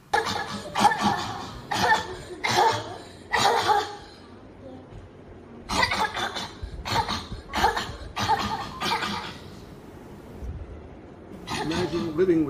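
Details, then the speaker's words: Patient with habit cough (somatic cough syndrome), daytime only and absent once asleep; repeated loud, harsh coughs in quick runs, about a dozen in twelve seconds. "the habit cuu causes a lot of stress not just for the patient but the whole family to live with that sound going on all day until they go to sleep"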